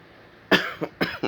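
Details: An adult man, still coughing up, gives a quick run of about four short, loose-sounding coughs after a moment of quiet room noise; a cough.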